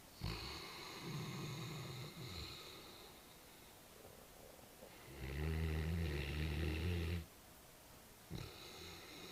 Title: Our Great Dane snoring